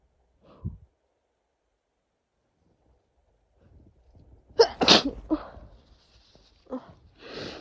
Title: cold sneezing fit 🤧 [F]